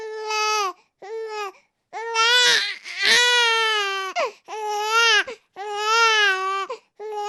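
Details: Infant crying: high-pitched wailing cries in repeated bursts of about one to two seconds, separated by short breaths; ordinary infant crying.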